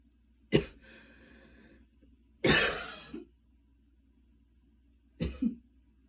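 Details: Light cough after a ~10-minute super fast run in light rain: three short, fairly dry coughs with a breath after the first, in a quiet room.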